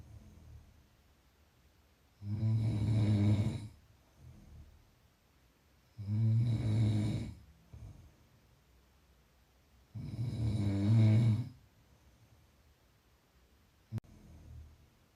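Three loud, low rattling snores on the in-breaths with quiet out-breaths between, about 14 breaths a minute; steady snoring.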